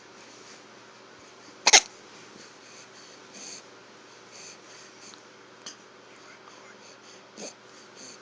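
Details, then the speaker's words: Hiccups: brief, sharp catching sounds several seconds apart over quiet room hiss, one louder than the rest. "Are they gone? I think they're gone. No more hiccups."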